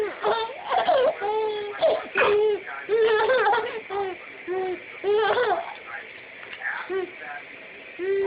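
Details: Short, high-pitched whimpering and crying in bursts with pauses, from an infant who has hiccups: infant fussing and crying.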